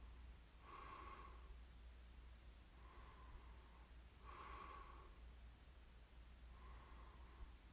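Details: Light snoring during sleep: quiet rhythmic breathing with a soft, whistling nasal snort on each breath, about 16 breaths a minute.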